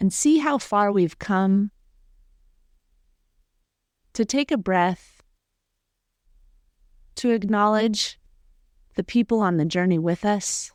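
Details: Adult female speaker; ordinary speech.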